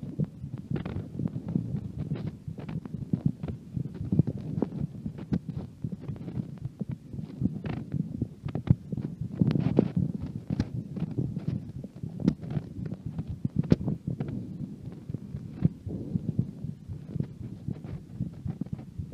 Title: After listening a fabulous heart sound